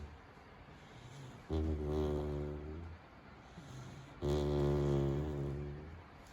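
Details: Two long, low, droning, buzzy snores with each slow breath and quiet breathing between, from a Labrador puppy sleeping relaxed on a bed; snoring.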